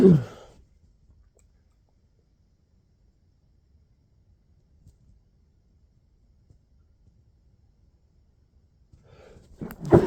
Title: Sneezes into pillow